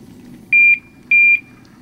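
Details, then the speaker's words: Patient-controlled analgesia (PCA) pump in a set-up demonstration, patient button pressed: two steady high-pitched beeps signalling the dose is being delivered; a single beep would mean too little time between boluses, so no medication. "hear two beeps, that means they're receiving the medication."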